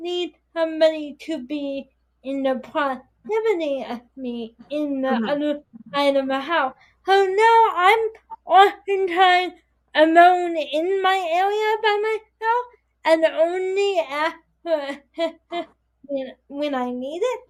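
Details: 22-year-old woman with spastic quadriplegic cerebral palsy affecting her whole body including speech, right side impaired, uses walker or wheelchair; dysarthria (cerebral palsy).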